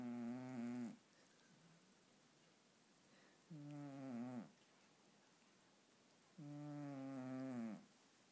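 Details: Male cat snoring while sleeping: three slow, buzzing, voiced snores about three seconds apart, roughly 20 a minute.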